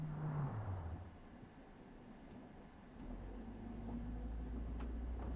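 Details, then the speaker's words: Person's own stomach making a low gurgling rumble sliding down in pitch, a brief gap, then a longer deep droning growl; stomach growling (borborygmi). "제 배에서 나은 소리입니다."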